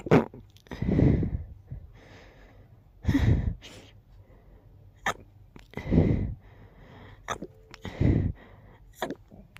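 A rapid run of stifled, muffled sneezes, about five in quick succession with short pauses between, forming a sneezing fit.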